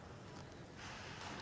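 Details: CPAP (positive airway pressure) machine airflow, shown as treatment for obstructive sleep apnea with loud snoring.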